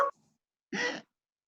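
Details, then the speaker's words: Simulated inspiratory stridor imitated by a person in class, as in laryngeal obstruction with suprasternal and supraclavicular retractions: harsh, raspy noisy in-breath; inspiratory stridor. "estridor inspiratorio exterior laringe o esta entonces si ustedes leen en los libros el paciente tiene exterior laringe qué cuernos eso hay que escucharlo"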